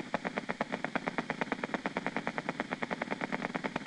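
Rapid, regular crisp clicks from a needle EMG loudspeaker, typical of normal firing motor unit potentials.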